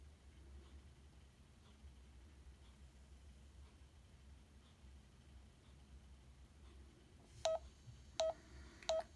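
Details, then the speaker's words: Check Me Pro pulse oximeter on adult: faint regular ticks then three clear electronic beeps, pulse steadying at 84, normal blood oxygen; pulse oximeter beeping. "it's checking for your heart rate mine is steadying at 84. great so it's saying i have normal blood oxygen level"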